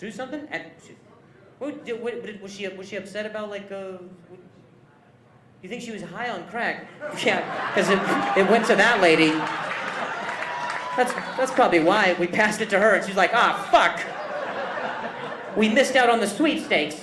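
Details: Stuttering in a male stand-up comedian; he says noises while talking worsen his stuttering and that it varies with his anxiety level.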